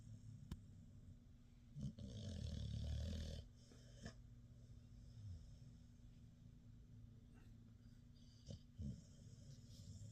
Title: Snoring Puppy